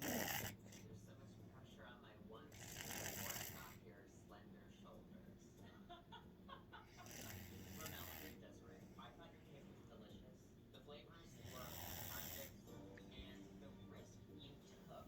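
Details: Loud rough snores about every four to five seconds, with a quieter low rumble in between: loud snoring.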